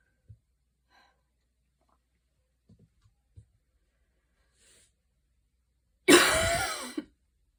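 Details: Asthma cough in an adult, in the evening after walking and running outside in the rain with intense breathing, inhaler used: a quiet room with faint breath sounds, then a single loud, harsh cough.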